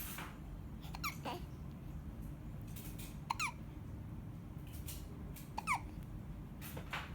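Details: Soft, brief squeaky catches recurring every couple of seconds over room noise from an 8-week-old baby; infant hiccups.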